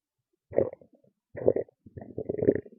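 Three loud gurgling, rumbling bursts of stomach growling in a quiet room; ordinary bowel sounds.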